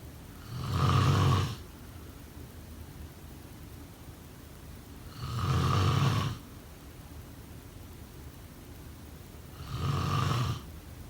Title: Snoring sound…